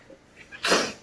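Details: Allergic sneeze from a woman with hives and an itchy nose: a single brief, breathy sneeze burst after a short quiet lead-in, with faint room noise.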